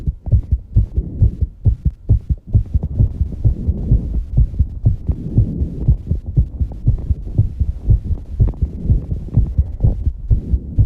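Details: Loud, rapid thumping heartbeat at about 128 beats a minute with heavy breathing behind it, after exercising; fast heart rate after exercise.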